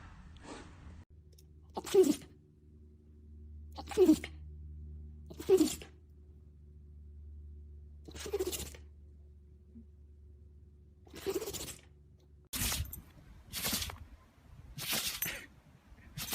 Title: God bless-Funny dog sneezing